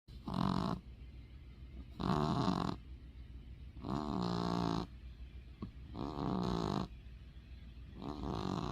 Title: Winky snorts and snores #cat #snoringcat